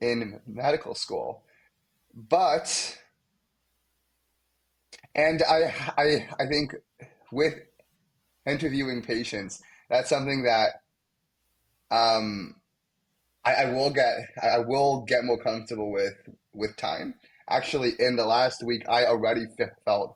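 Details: Young man, a medical student, who has stuttered most of his life, with blocks, especially on his name, and sound repetitions; stuttering.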